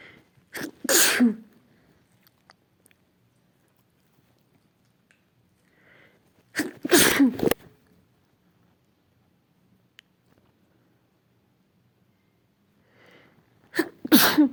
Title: sneezing sick fit